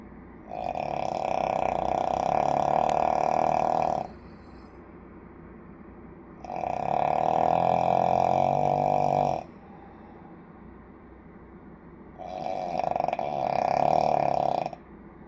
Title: Hilarious and horrible snoring I खर्राटे I ଘୁଙ୍ଗୁଡ଼ି I নাক ডাকা I mga hilik I いびき I russare I ronco